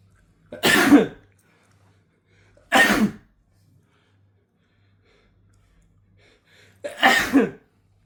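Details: Man sneezing rapidly after being given a sneeze-inducing snuff: three explosive sneezes separated by quiet pauses.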